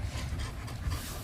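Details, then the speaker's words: Pet heard snoring then panting after a bath, owner says she is suffering: rapid, short, noisy breaths in a brief snippet; panting. "মামা কি হয়েছে? খুব কষ্ট হচ্ছে গো।"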